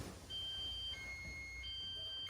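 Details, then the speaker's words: Prius Ai1 homecare hospital bed exit alarm, zone 3 (wandering alarm), which triggers only when the person is completely out of bed: steady high electronic beeping tones alternating in pitch; the bed offers three volume levels. "For the bed exit alarm, there's 3 different levels of sound. Let's show you those. So first is the low alarm."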